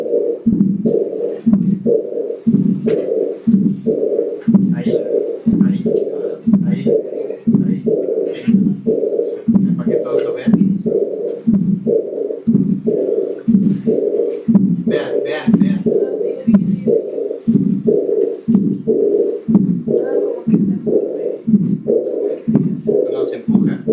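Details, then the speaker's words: Simulated aortic regurgitation on Harvey cardiology simulator: S1, then a systolic murmur, then a diastolic murmur ("furun-fua"), the diastolic murmur being the key finding. "el Fu es el s1 el rum es el soplo sistólico y el fua es el soplo diastólico"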